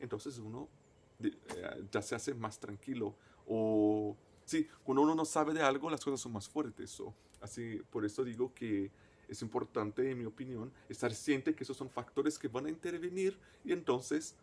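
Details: Stuttering in a person who stutters, a native Portuguese speaker speaking Spanish as a foreign language.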